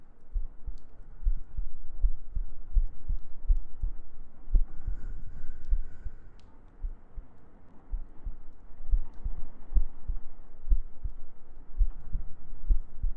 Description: Some heartbeats, gentle breaths and humming for your sleep~ Good night ♡